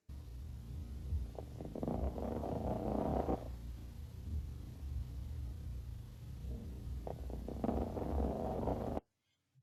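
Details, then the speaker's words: Two breaths heard through a stethoscope during a chest auscultation lecture, each with bursts of brief popping, popcorn-like crackling during inspiration; fine crackles (crepitations). "اهم حاجه اخذ بالي من الفاين ليد ان السيارات ودي صوتها بالضبط بيبقى عامل زي ايه كانك لما باجي اعمل الفشار بسمع صوت التكتكه بتاعت الفشار وهو بيتعمل ورا بعضها"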